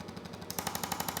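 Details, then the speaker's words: Percussive chiropractic adjusting instrument used on a seated patient with years of back pain and sciatica: rapid mechanical tapping bursts with a shift in pitch as it works over the tissue. "now I'm to do the instrument I usually do the instrument standing but I think for you I want to do it sitting all right so this is called the throw him good doesn't hurt gets movement right in there"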